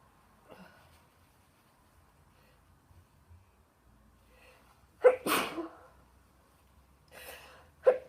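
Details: Woman with a persisting cold sneezing in the morning: two sneezes, each a sharp in-breath followed by a forceful burst, in a quiet room.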